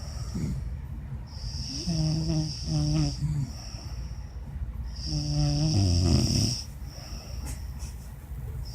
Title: Snoring up a storm